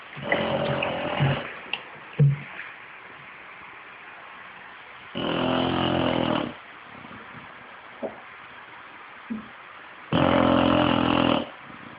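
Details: Five-year-old English bulldog snoring while asleep: loud, rattling snores about twelve a minute with quiet pauses between.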